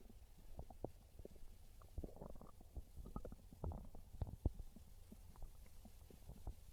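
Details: Real hunger stomach growls (borborygmi) from a belly craving pizza: quiet, continuous low bubbling and popping gurgles, a normal bowel sound.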